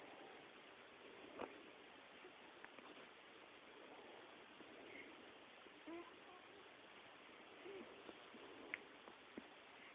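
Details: A quiet room with a few brief, abrupt voiced catches and clicks at irregular intervals; a child's hiccups.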